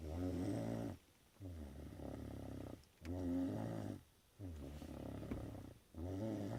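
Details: Child snoring while asleep after a magic show: steady rhythmic low rumbling on each breath, about 20 breaths a minute, with quiet pauses between.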